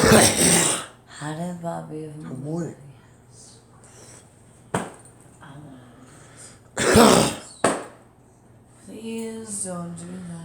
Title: Me coughing